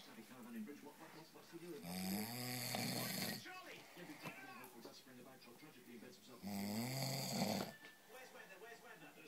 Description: Sleeping husband by the fire!